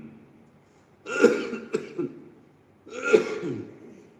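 An adult man clears his throat twice, in short harsh bursts with a pause between them, in a quiet room.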